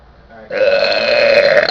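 A single loud, drawn-out voiced burp lasting just over a second, a normal release of swallowed air.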